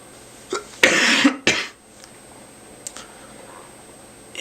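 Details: Someone who says he is getting sick and taking a lot of medicine makes a brief throat noise, then two loud, harsh coughs in a quiet room. An ordinary cough.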